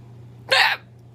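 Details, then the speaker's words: Violent, painful hiccups recorded at 5:30 a.m. that started a minute earlier and are preventing sleep; a single sharp, abrupt hiccup over a low room hum. "so if you ever wonder what you hear if you hear a weird sound like that it's someone hiccup hiccuping very violently I mean this my hiccups are awful"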